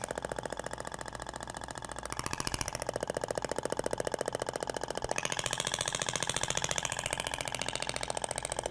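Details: Thork radial shockwave applicator on the abdomen over gel, repeating the same movement: fast, even rattling taps, steady throughout; radial shockwave therapy device firing.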